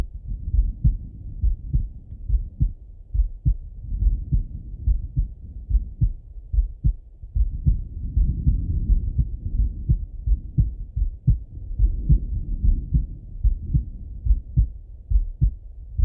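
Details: Male heart auscultated with a stethoscope, recorded either sitting at a desk or lying in bed: steady low thumps about 70 beats a minute with some low rustle; normal heart sounds.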